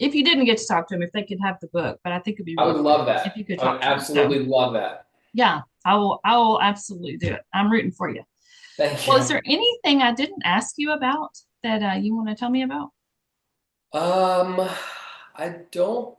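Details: Two adults in conversation; ordinary conversational speech.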